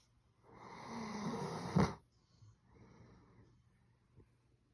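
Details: Dog Zeus snoring like a big dog: a loud, harsh snoring breath ending in a snort, then a softer, quieter breath; snoring.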